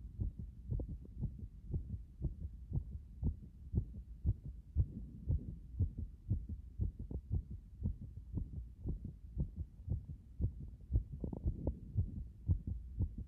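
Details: Heart after compression: fast, regular low heartbeats at about 118 beats a minute with a soft rushing quality between beats.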